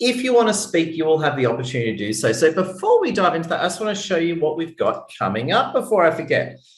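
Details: Adult male speaker; Normal speech.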